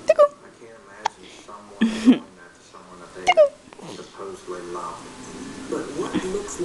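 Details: Hiccups: abrupt hiccup catches, each with a short squeak, roughly 19 a minute, with television talk in the room.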